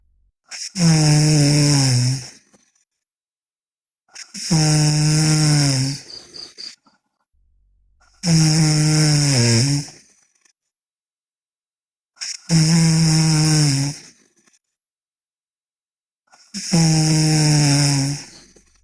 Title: Sleeping Girl Loud Snoring (MLDA)